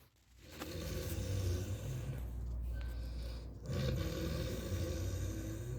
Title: live snore 😂 ऐसे खर्राटे देखे हैं कभी #खर्राटे #खतरनाकखर्राटे #snore #funnyvideo #snorevideo #enjoy